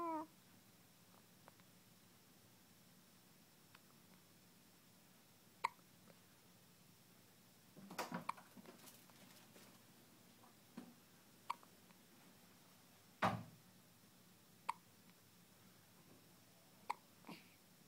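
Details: Soft, brief hiccups from a newborn only hours after birth, the baby's first hiccups, repeating at irregular intervals of a few seconds in a quiet room.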